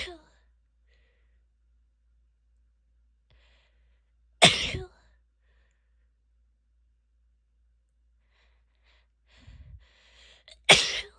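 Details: Two sharp sneezes from a female in a quiet room, the second after a short breathy catch; ordinary sneezing.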